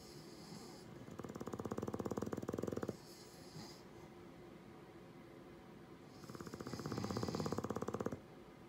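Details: Sleeping English Bulldog snoring: two rough, fluttering snores on the in-breath, about seven seconds apart, with quiet breathing between and steady room hiss.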